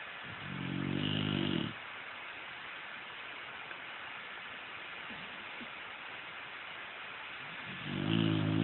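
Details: Sleeping dog gives rumbling snores roughly every seven seconds over steady background noise; snoring.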